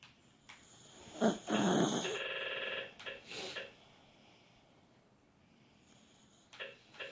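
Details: Chihuahua snoring: a loud snorting rattle followed by a softer snore, then quiet with faint clicks.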